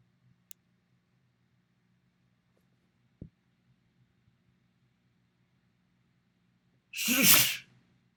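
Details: A single loud sneeze recorded in front of a mirror, after a quiet pause, with faint room hum; an ordinary sneeze.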